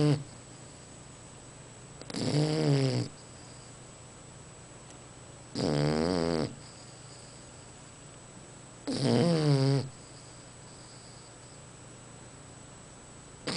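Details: Sleeping bulldog snoring: three rattling, fluttery snores about every three and a half seconds, roughly 18 a minute.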